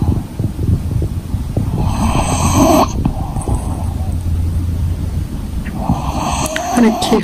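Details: English bulldog fast asleep, snoring: loud, low, rough snorting throughout with a few higher whistly sounds.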